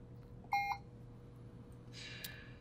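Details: A single short electronic beep over low room hum as a Puritan Bennett 560 ventilator confirms a keypad setting, here the respiratory rate, while volume-based modes are set up; a normal device sound.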